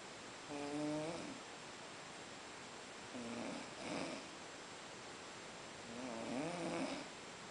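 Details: Snoring after a long day in Boiçucanga: three rough, buzzing snores with some whistling, about 21 breaths a minute, over quiet room noise.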